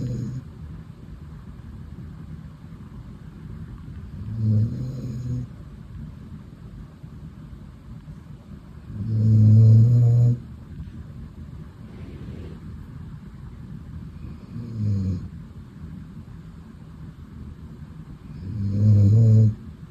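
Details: A female dog snuggled asleep on her owner's lap, snoring: soft, low rumbling snores every four to five seconds, about 13 breaths a minute; ordinary, harmless snoring.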